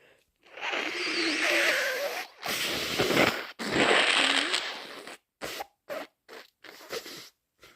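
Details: Three loud, forceful induced sneezes followed by several short nose blows; ordinary sneezing.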